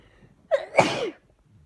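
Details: Allergic sneeze from a bouquet of lilies: a single loud sneeze, a sharp in-breath then a forceful explosive burst of air.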